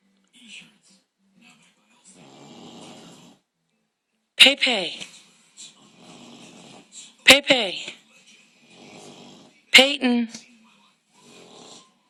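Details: Female bulldog in deep sleep snoring: quiet snuffling breaths broken by sharp snorting snores, about 21 breaths a minute.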